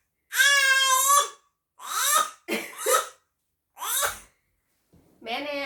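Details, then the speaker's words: Several voiced, sing-song cough-like sounds from a 4-month-old baby, a playful put-on cough to get the mother's attention rather than one from illness. "Gây sự chú ý gì mà ho dối quá vậy?"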